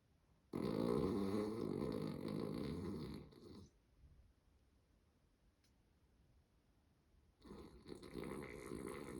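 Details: Sleeping female dog, who has slept this way since puppyhood and wears a shawl over a neck bite wound from a week earlier: a couple of long, rough, fluttering snores with a quiet pause between them.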